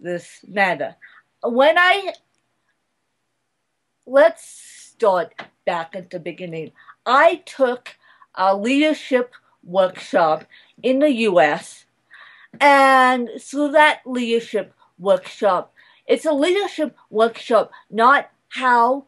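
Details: Adult woman speaking; mild dysarthria (cerebral palsy).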